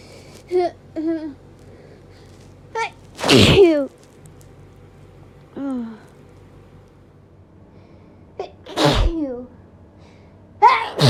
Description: Hayfever sneezes from this week (allergies have been so bad!)